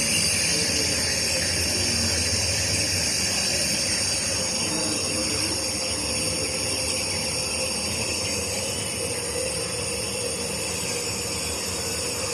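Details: Nebulizer running while nebulizing a baby to reduce cough: steady hissing mist with a fast mechanical compressor pulse, and no cough or crying heard.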